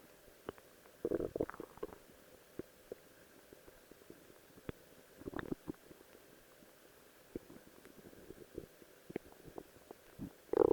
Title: My Stomach Growling while in a Rose Cosplay Outfit